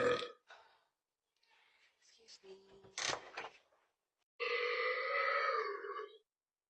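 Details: Young woman burping during a mukbang eating session: several burps, ending with one long, loud, drawn-out belch of about two seconds; burping.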